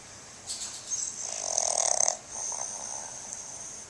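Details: Pug snoring, recorded on a Flip Video camcorder: a rattling, fluttering inward breath with a thin whistling edge, then a softer breath out. Snoring in a small flat-faced dog.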